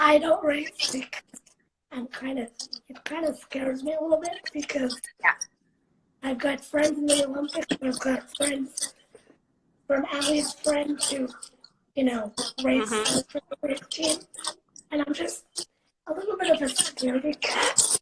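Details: 17-year-old girl living with cerebral palsy, speaking spontaneously in a live interview; her speech transcribes as broken and garbled; dysarthria (cerebral palsy).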